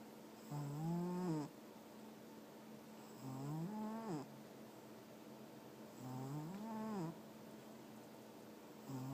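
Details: A second cat snoring.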